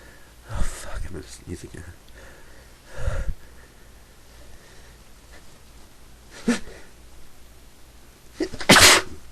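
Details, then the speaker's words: Person with a day-long sneezing fit, muttering they can't stop, short breaths then one loud explosive sneeze near the end; sneeze. "I have to sneeze. Sneeze again. I can't. I've been sneezing all day. Can't stop."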